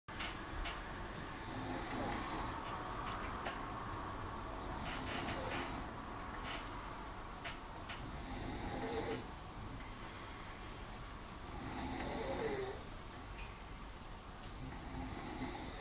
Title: Snoring - Part 2